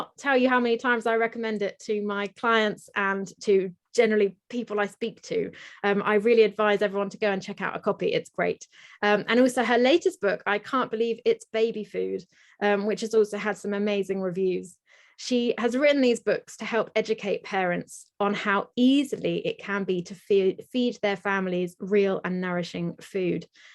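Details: Adult woman speaking; Normal speech.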